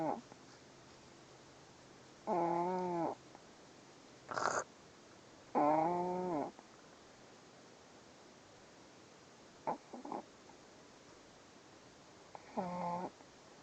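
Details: Sleeping puppy: a few very loud, buzzing, whistle-toned snores on its breaths, with quiet gaps between them: snoring.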